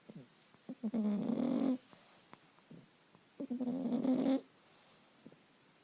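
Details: Boston Terrier dog snoring while hidden under a blanket: two long, rough, rattling breaths about two seconds apart in a quiet room, roughly twenty breaths a minute.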